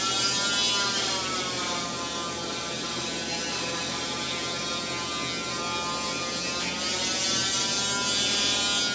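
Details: Oscillating cast saw cutting off a waterproof cast one month after a wrist fracture: a steady high-pitched buzzing whine with a rapid grinding rattle.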